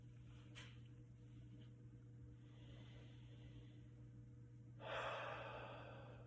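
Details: During a student nurse's respiratory assessment, a stethoscope on the patient's back picks up a soft breath in and a fuller breath out of similar length over a steady hum: normal bronchovesicular breath sounds.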